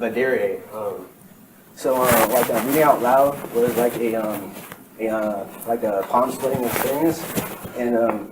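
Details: Real stuttering in an adult man who has stuttered for as long as he can remember, recorded during a talk sometime between 2013 and 2019.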